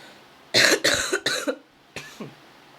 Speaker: as you can see and hear from me uh my health is kind of down and worsened today and coughing and my voice is starting to get even lower and deeper and my throat is starting to get hurt